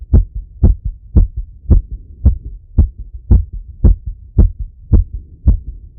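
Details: Male's own heart auscultated with a stethoscope after a workout set: fast, regular heartbeat about 110 beats a minute, strong first sound and softer second; normal heart sounds after exercise.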